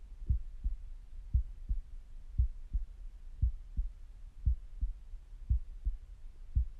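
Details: Normal, regular resting heartbeat at about 57 beats a minute, steady paired lub-dub thumps over a low rumbling background of stomach noises, recorded with a stethoscope; normal resting heart sounds.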